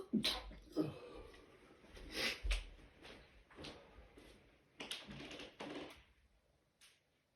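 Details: A sneezing fit of several sharp, explosive sneezes in quick succession with breaths between, possibly at the start of a cold.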